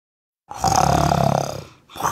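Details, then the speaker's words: A loud, rough, rattling snore on an inhaled breath, then the start of another, performed by an actor for comedy: imitated snoring. "نمت شايف قير الشخير يا لطيف بعبله هذا شنو"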